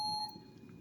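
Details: A short, clear electronic beep confirming a keypress on an ICU syringe pump while a nurse sets up a dose, with a 50 mL syringe volume entered, for a furosemide infusion.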